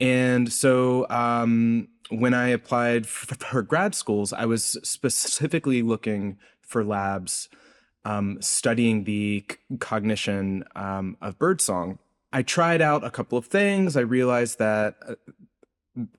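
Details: Adult man's real, self-reported speech impediment, present throughout the interview; this clip has word repetitions; stuttering-like disfluency.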